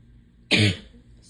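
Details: Cough in a person with allergies who is stuffed up, itchy, sneezing and losing their voice, with a hoarse throat for days: a single short, harsh cough in a quiet room.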